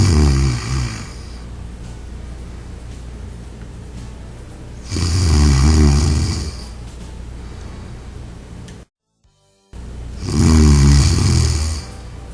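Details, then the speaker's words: Three loud, low, rattling snores spaced several seconds apart over a steady background hum, in a demonstration of an anti-snore pillow that detects snores and shifts left and right after four snores. "if four more snoring sounds are detected the pillow goes through the shifting operation again the entire process is repeated until no more snoring sound is detected"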